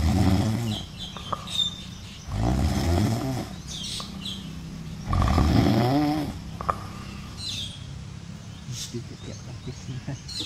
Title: the adorable world of snoring monkey siblings. #shorts #shortvideo